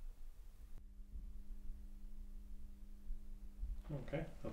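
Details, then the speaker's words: Stethoscope over the thyroid gland while the patient takes a deep breath and holds it, listening for hyperdynamic blood flow. A quiet low rumble with no whooshing bruit: normal thyroid auscultation. "I'm just going to have a little listen over your thyroid with my stethoscope."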